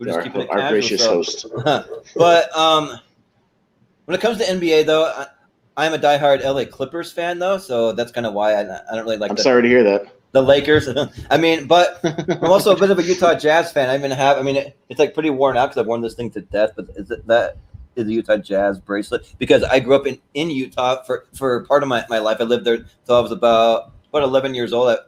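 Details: Male podcast host with a stutter present since birth that he says is heard intermittently and occurs when he talks fast; stuttering.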